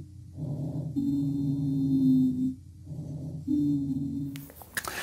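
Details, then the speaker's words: Musical, whistling wheeze on two breaths heard over the chest, illustrating narrowed, debris-blocked small airways as in RSV bronchiolitis in children under two. "which can lead to a condition known as wheezing so let's have a listen to what wheezing would sound like if you listen to the chest"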